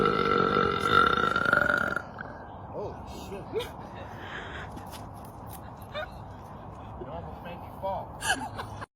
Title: Girls burping compilation №3